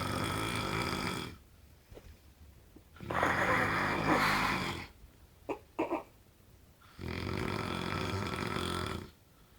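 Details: Adult man described as a very loud snorer: three long, loud rumbling snores a few seconds apart with quiet gaps between; snoring.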